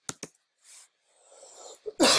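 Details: Cough.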